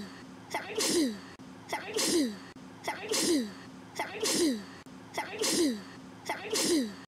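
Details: Six sneezes in a row from a girl, each a sharp intake followed by a high-pitched expulsive burst, about one per second.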